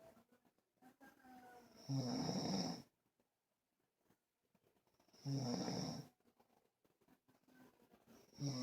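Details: Snoring during sleep: rhythmic, rattling snores at about three-second intervals with softer breaths between them.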